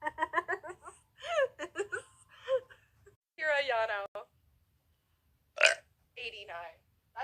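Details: Series of short voiced throaty belches, then a longer drawn-out one and a few more, from a person who says they are full of liquid; repeated burping.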